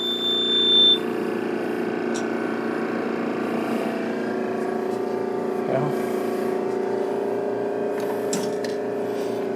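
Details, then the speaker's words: Standalone air compressor supplying air to a lab anesthesia machine for simulations, with no pipeline system: brief beep, then a steady, loud motor drone filling the room. "so we can run this and you turn this on because here is it's quite a bit of noise okay"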